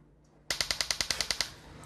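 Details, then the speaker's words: Sharp, evenly spaced loud clicks, about ten per second for one second: a train of TMS magnetic pulses from a coil over a man's motor cortex during a TV demonstration, disrupting his hand movement as he tries to act. "I'm just gonna place this coil on Davey's head on his motor cortex and just get lined up and you'll hear some clicking noises and there the magnetic pulses"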